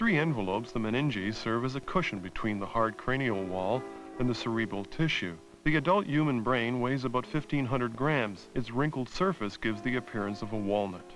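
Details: Adult male narrator; Normal speech.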